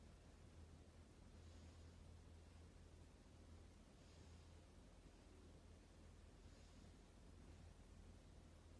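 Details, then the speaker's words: Student nurse's stethoscope exam of a healthy chest, posterior chest under gown with deep breaths; soft, low rustling breaths over a steady hum, lungs nice and clear without crackles or wheeze: normal vesicular breath sounds. "good your lungs sound nice and clear"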